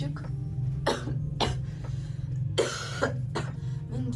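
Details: A woman whose cough has started strongly gives about five short, dry coughs in a loose series over a steady low background hum.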